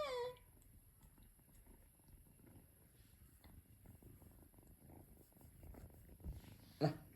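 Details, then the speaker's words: Pet cat (Simba) coming close and making an internal snore-like sound, a brief meow then a soft, steady low rumbling purr; owner notes people mistake it for congestion, but it is normal purring. "നമ്മുടെ അടുത്ത് വരുമ്പോൾ അവര് ഉള്ളിൽ നിന്ന് ഒരു sound ഉണ്ടാക്കുന്നത് ഇങ്ങനെ ഈ കൂർക്കം വലിക്കില്ലേ അതുപോലുള്ള ഒരു സൗണ്ടാ"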